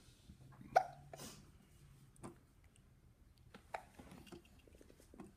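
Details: A person hiccuping while eating gives two sharp, abrupt hiccups a few seconds apart in a quiet room, with faint background sounds.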